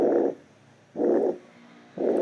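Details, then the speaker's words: Rheumatic fever carditis: regular blowing holosystolic murmur of mitral regurgitation, about 60 cycles a minute, obscuring S1 and running to S2, with a preserved pulmonary second sound of normal intensity. "en este caso la ocultación que estamos escuchando es un soplo o los histórico con un segundo ruido pulmonar de intensidad normal"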